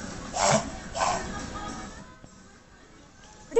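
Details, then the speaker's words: Two rapid, harsh snorting inhalations from a dog sucking air in to clear an irritant from the back of the nose, with faint background music: reverse sneezing. "weird noise right well a reverse sneeze is actually the body's attempt to clear its irritant from the back of the nose by sucking air in it's commonly mistaken for choking although it's usually harmless"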